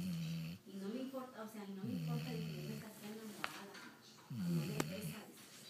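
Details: Dog asleep, snoring: drawn-out low snoring breaths with a whistling, groaning quality and soft room noise; dog snoring in sleep.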